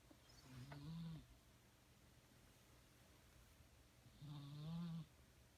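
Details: Animal asleep on a windowsill: two drawn-out, low, rumbling snores a few seconds apart; snoring.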